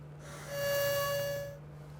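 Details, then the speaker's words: Steady, soft honking whistle about a second long from a metered dose inhaler spacer's flow indicator, signalling the breath in is too fast, demonstrated by a respiratory therapist. "If you breathe too fast, your spacer will make a honking noise like this."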